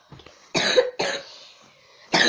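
Two loud, dry coughs and the start of a third, acted for a pretend-play skit.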